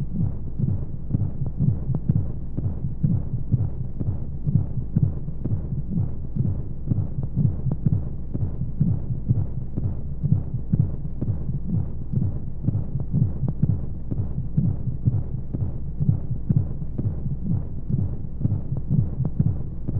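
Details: Womb-sound sleep aid for babies with white noise: steady muffled low heartbeat thumps at about 60–65 beats a minute over a constant whooshing hum of flowing sounds, a regular heartbeat as heard inside the womb.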